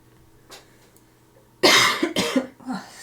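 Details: Adult woman still recovering from COVID-19, during a live art stream: a single loud cough burst followed by a short throat-clearing cough in a quiet room; lingering post-infection cough.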